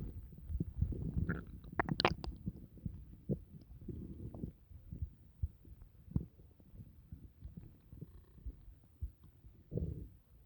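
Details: Bowel sounds (borborygmi).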